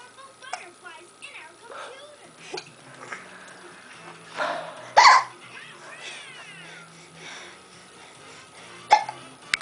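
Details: A boy playing in his exersaucer has hiccups: a few abrupt, sharp hiccup bursts spaced seconds apart, with talk and faint music in the background.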